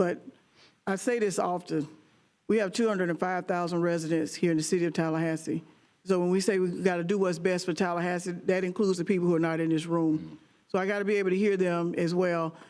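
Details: Adult speaker at a public meeting, microphone; Normal voice.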